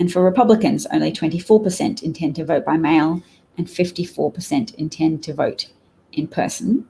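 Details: Adult woman; normal speech.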